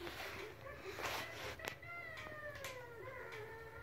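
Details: Adult hiccuping while breathing in: sharp hiccup jolts each followed by a long, high, whining squeak on inspiration, almost like a meow. Hiccups with noisy inspiration.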